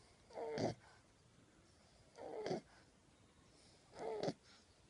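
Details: 10-week-old French Bulldog puppy sleeping with tongue out: short, snorting, slightly whistling snores about every two seconds, near 30 a minute; snoring.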